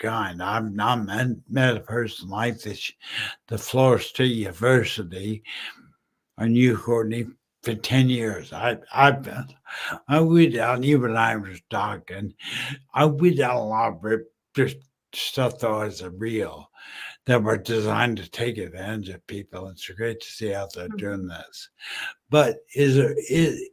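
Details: Adult male 14 years after a stroke from a brain aneurysm, initially totally mute, who still smashes words together and uses slowing down and over-articulating as strategies; dysarthria after stroke.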